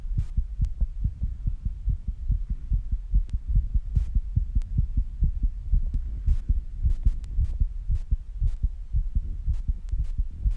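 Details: Own heartbeat recorded after rebreathing and squats, with heavy breathing: rapid, closely spaced heartbeat thumps throughout; fast heartbeat after exertion.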